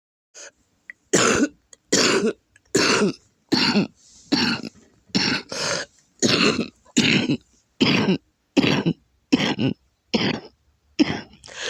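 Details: Adult with a lupus flare and congested lungs, coughing hard enough to vomit; back and chest hurt from coughing: a harsh, rapid fit of about fourteen congested, mucus-laden coughs; productive cough.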